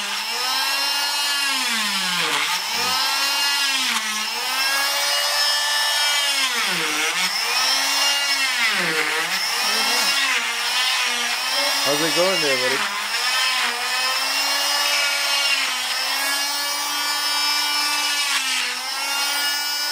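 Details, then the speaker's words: Oscillating cast saw cutting a boy's arm cast off after 2 months, with a safety point to avoid skin: high buzzing whine, pitch dipping as it bites into the cast. "Because there's a safety point right here, okay? I will not cut your skin."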